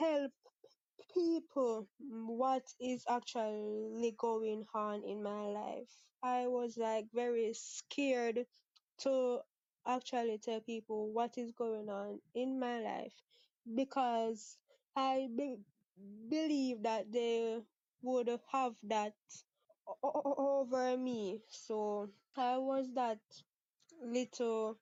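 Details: 23-year-old Jamaican woman who has stuttered (stammered) since about age six, with father and sister who also stutter and no speech therapy ever; part-word and whole-word repetitions audible; stuttering.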